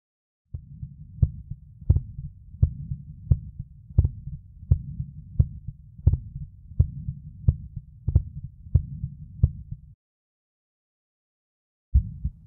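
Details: 11-year-old boy with exertional dyspnea; Thinklabs One digital stethoscope at apex, LLSB, LUSB standing and squatting, RUSB; ~88 bpm, prolonged high-pitched systolic ejection murmur, louder standing, softer squatting; hypertrophic cardiomyopathy, 25 mmHg resting LVOT gradient, no significant mitral regurgitation.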